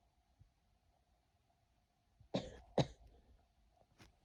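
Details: Person with a cold and heavy congestion, possibly moving to the chest: two sharp, explosive sneezes close together, then a smaller one, in a quiet room.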